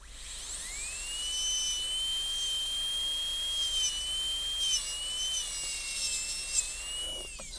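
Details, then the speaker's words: High-speed dental handpiece cutting a preprepared Kilgore MOD Class II practice tooth with very large boxes during an MOD gold onlay preparation demonstration, recutting the wall connecting the box corners: steady high-pitched whine with slight pitch dips. "And I'm going to recut this whole wall. We're connecting the corners of the boxes together with the whole wall leaning facially."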